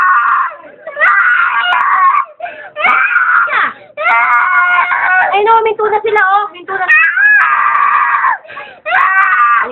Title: The Crying Baby :)